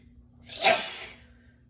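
A single forceful sneeze with a hissing burst of air that fades out, over a low steady hum.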